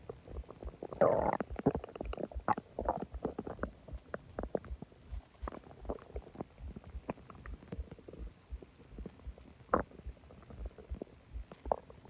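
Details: Stomach growling after eating a lot and drinking a soda: loud gurgling, bubbling and groaning from the belly in irregular bursts; borborygmi.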